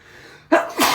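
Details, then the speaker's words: Sneezing fit deliberately induced by snorting Chhinkni snuff, which burns the nose: a sudden loud, explosive sneeze with a second burst right after, within a run of strong sneezes. "I want to sneeze. Whoa. I'm gonna sneeze."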